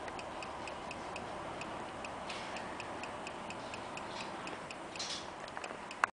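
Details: Newborn boy's first hearing test: rapid, steady faint clicks from a hearing screening device over soft room hiss; the test was passed.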